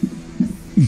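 Rapid whooshing pulses from a fetal heart monitor, about 150 beats a minute, a normal fetal heart rate.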